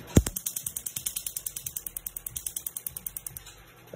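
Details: Laser tattoo removal device firing rapid, regular sharp clicking pulses, about eight per second for about three seconds, during a treatment session.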